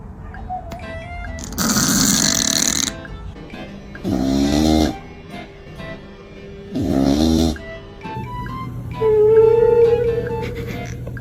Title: My cat snoring like she works 9-5 #funnyvideo #cat #usacats #funny #fyp #cute